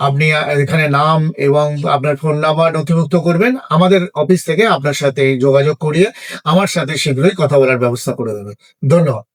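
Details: Adult man speaking Bengali; Normal speech.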